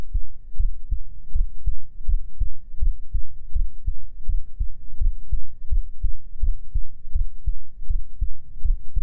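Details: Steady, regular low double thumps of a resting heartbeat at about 80 a minute, in a binaural ASMR sleep-aid recording on a man's chest; normal heart sounds.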